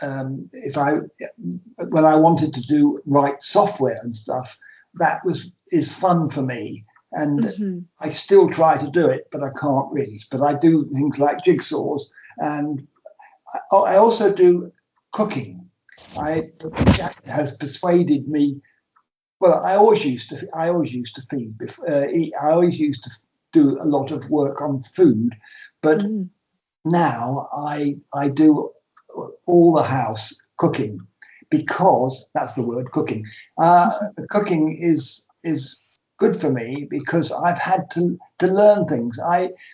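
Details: Man with aphasia after two strokes: trouble naming things and starting conversations, and numbers come out back to front.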